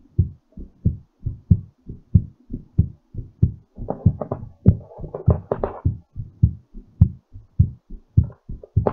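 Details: Normal heartbeat during recovery after exercise: strong, quick thumping at roughly 100 beats a minute with some brief overlying noise.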